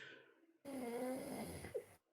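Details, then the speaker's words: Person asleep after passing out, snoring: one short, buzzing, fluttering snore-like snort with a faint wet quality. "He literally sounds like my old dog when he snored. Like that, like I'm choking and dying."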